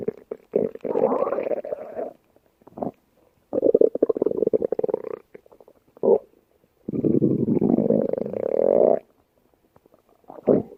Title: stomach growl late night